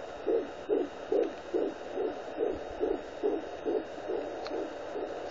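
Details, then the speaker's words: Fetal heartbeat recorded with a home Doppler placed with gel on the pregnant mother's stomach: rapid, regular whooshing thumps about 140 a minute. "so you guys are wondering what that sound is um that's the baby's"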